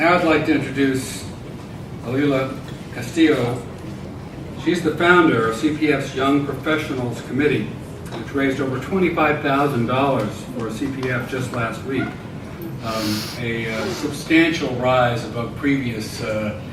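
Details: Adult male speaker; normal speech.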